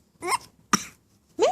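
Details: Young child (Mason) gives three short throaty bursts, a pretend cough rather than a real one; the child also has hiccups.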